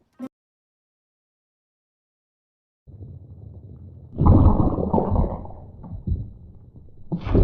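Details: Stomach growling (Chase and Snowball): after a click and silence, a low bubbling rumble swells into louder gurgling, then fades.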